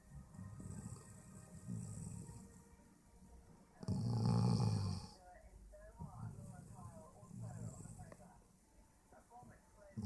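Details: A dog sleeping with its mouth open makes low, rumbling, fluttering snores with one louder snort; quiet room noise behind.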